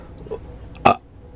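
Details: A single loud, brief belch rises out of quiet room noise. An adult with acid reflux and sour fluid rising to the mouth belches after a nap following a meatball sub eaten two hours earlier; he suspects gluten intolerance.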